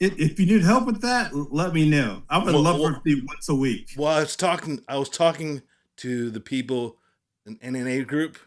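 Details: Aphasia in a 56-year-old man after an ischemic stroke in 2013 affecting the back of the brain, also impairing balance and strength; still has speech problems twelve years later, worse late in the day with reduced volume, enunciation and some slurred words.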